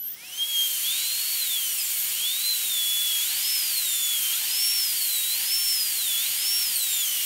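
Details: Dental high-speed drill during full zirconia crown preparation of tooth #3 (upper first molar), guide cuts on the mesiolingual cusp triangular ridge: steady high-pitched whine with hiss, pitch rising and falling as the bur cuts.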